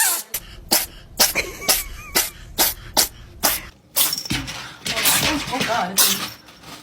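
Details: Cat sneezing: a rapid run of about nine short, sharp, explosive bursts, then rustling noise; a fit of repeated sneezes.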